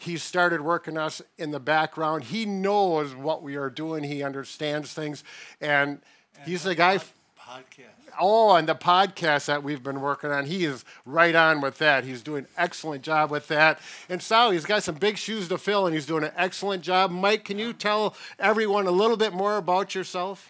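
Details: Adult man speaking, brief second voice; normal speech.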